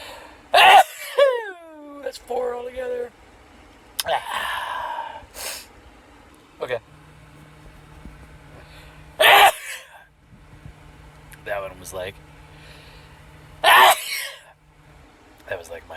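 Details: Several loud explosive sneezes, each preceded by a brief catching breath, with quiet voiced sounds between; a run of repeated sneezes.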